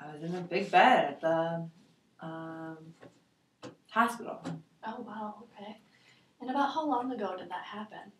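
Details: Adult female clinician, with a second speaker; normal speech.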